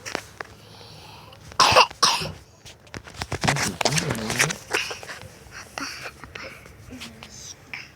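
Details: Child with a cough, not allowed ice cream because of it, giving two short, harsh coughs followed by brief vocal sounds and voices in a small room.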